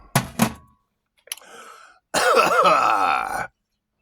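Two quick adult coughs, a brief throat sound, then a strained, groaning vocal cough-like exhalation.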